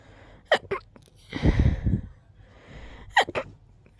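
Two quick pairs of sharp, stifled sneeze bursts, separated by a rustling noise; a rapid, suppressed sneezing fit.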